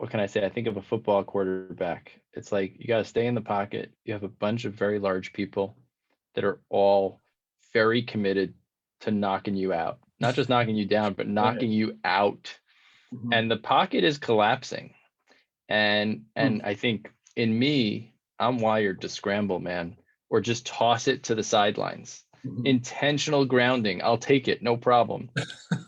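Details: Adult male speaker; typical speech.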